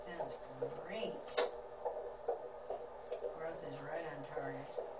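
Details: Fetal heart tones on Doppler at a prenatal visit, fundal height 21 cm with good growth: rapid, regular whooshing heartbeat, read as 148 (about 145/min), a normal fetal heart rate.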